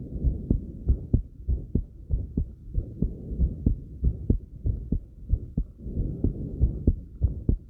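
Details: Heartbeat recorded after light crunches: fast, steady low thumps around 94 per minute with soft breathing and some movement noise; quickened heartbeat after light exercise.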